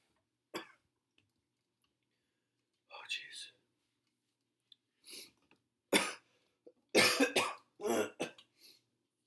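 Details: Person with a chest cold, very tired and napping daily for about six days: several loose, harsh coughs and throat clearing in a quiet room; chesty cough.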